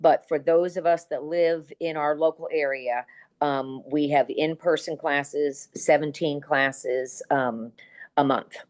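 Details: Adult woman speaking; normal speech.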